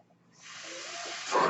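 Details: The speaker's own home mechanical ventilator: a soft airy hiss builds steadily and ends in a louder rush as it delivers a breath.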